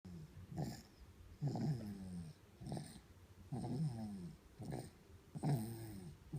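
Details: A sleeping baby girl snoring with rhythmic, rattling low breath sounds, about three breath cycles in six seconds.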